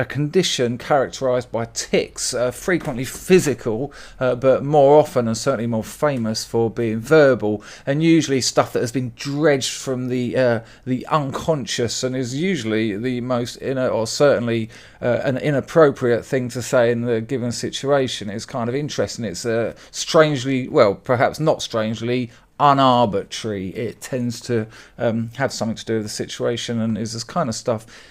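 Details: Adult male speaker; no disorder.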